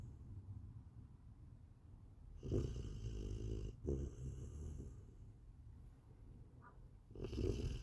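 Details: A sleeping puppy, up since 5 am and playing all day without naps, gives low, rattling snores over steady background noise; snoring.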